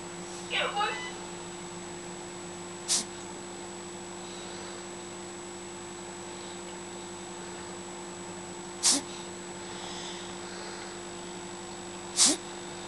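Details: Sleeping cat named Odin giving three abrupt, sharp snorting gasps for air at irregular intervals against quiet room hum: gasping during sleep.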